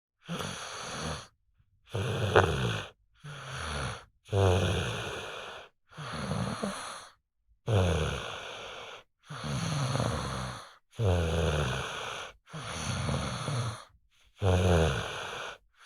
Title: beautiful baby sleeping with a snoring sound